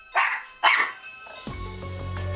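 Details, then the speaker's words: Dog with megaesophagus that vomits when excited, with vomit residue entering the nose and airway, starts coughing at the doorbell: two short, harsh coughing bursts, then a doorbell-like chime and music. "구토에 그 잔여물이 때때로 코와 기도로 넘어가 기침이 나는 건데요."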